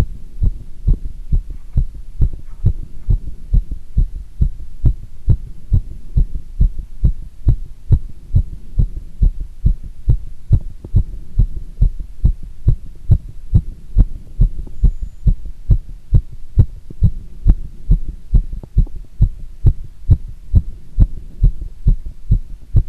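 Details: Heart sounds recorded during squats; fast, regular heartbeat with strong low thumps, about 135 a minute: heart sounds during exercise.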